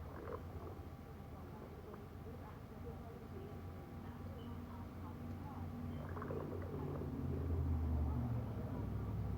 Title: Me having stomach growls